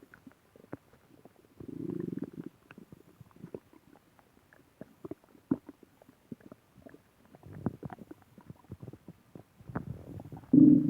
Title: Stomach growling